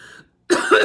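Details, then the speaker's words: An adult recovering from COVID, still with a runny nose, gives a single short, forceful cough after a brief quiet pause; lingering post-COVID cough. "My dad's pretty much all better, but I can't get rid of this darn cough. I have no idea why, but coughing won't go away."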